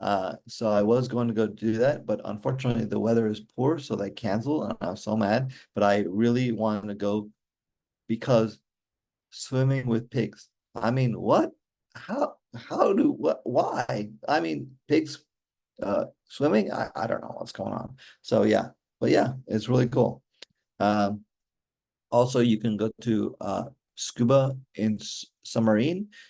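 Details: Aphasia in an adult male stroke survivor whose stroke occurred during mitral valve surgery in 2007; he still works on his speech daily.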